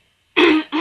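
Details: Pregnant woman at 14 weeks clearing her throat: a brief voiced throat clear, a gruff burst followed by a shorter second push, after a moment of silence.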